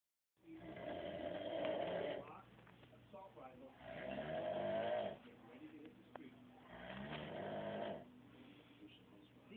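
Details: Loud rough snores rising and falling steadily, about 20 a minute, with quieter breathing between, recorded as a prank; snoring.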